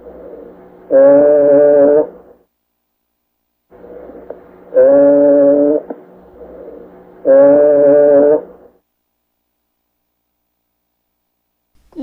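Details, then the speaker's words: Egophony heard over the posterior chest wall while the person says "e": three sustained, buzzing, nasal-sounding voice tones, each about a second long, with faint background hiss. "this is usually heard in the back of the posterior chest wall and you could pick this up by having the person if you think you hear it have the person say e as you're listening to the chest wall and if you hear hear that e on the lungs then that's egophony"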